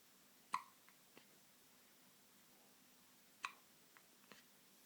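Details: Baby sitting up with hiccups: sharp, brief hiccup sounds, two strong ones about three seconds apart with softer ones between, in a quiet room; infant hiccups.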